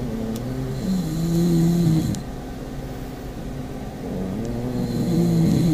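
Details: Pug in a snoring contest between two pugs: a loud, continuous, low rumbling snore that swells and fades with each breath; flat-faced dog snoring.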